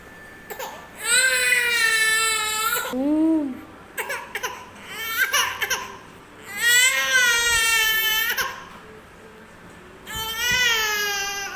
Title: kids making sounds| playing and crying| funny crying for kids